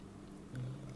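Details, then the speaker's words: Sleeping dog snoring, owner suspects she's having a bad dream: one low, rumbling snore about halfway through, against quiet room noise. "just don't know what it is you can hear my dog snoring she's having a bad dream"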